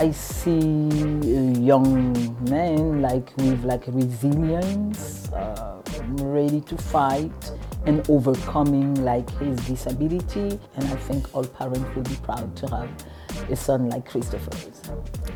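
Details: Adult speaker; ordinary speech.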